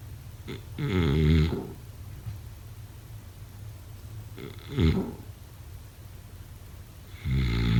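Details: Snoring during sleep: three loud, rough, low snores with quiet pauses between them, about every three seconds.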